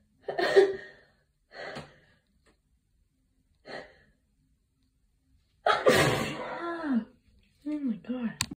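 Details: Sneezing from allergies into a tissue: several muffled sneezes, a few soft then a louder burst, followed by a tired sigh-like breath.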